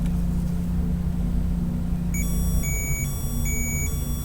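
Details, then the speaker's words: Repeating high electronic beeps over a loud low hum: patient-controlled analgesia infusion pump high-pressure alarm from a clamped extension or wrongly connected one-way valve, demonstrated in a setup talk: infusion pump high pressure alarm. "if the extension is clamped it gives a high pressure alarm at this point stop the pump remove the clamp"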